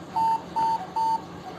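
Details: Breas Vivo 65 portable ventilator: three evenly spaced, steady mid-pitched beeps in a quiet room. The ventilator alarm signals circuit leakage, which is reduced by connecting the circuit tightly.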